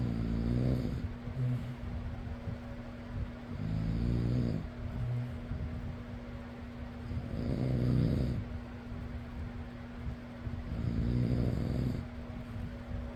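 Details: Person snoring: rhythmic, low rumbling snores about every 3.5 seconds, around 17 a minute, with a steady fan whirring in the background; snoring.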